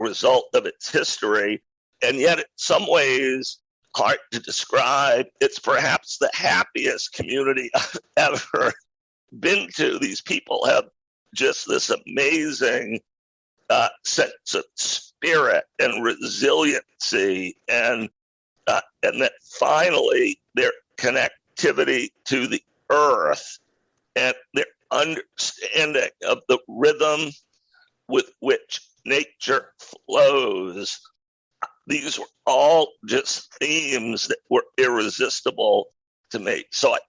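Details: Adult male with a rare neurological voice disorder acquired in 2012 that made speaking difficult; partial voice loss over a roughly 10-year course, now speaking without pain though still audibly affected: spasmodic dysphonia.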